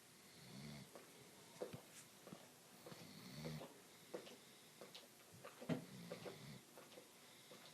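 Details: Snoring in a sleeping 120-pound Doberman dog: soft, rattly breaths in rhythmic bursts with faint snuffles and clicks; light snoring.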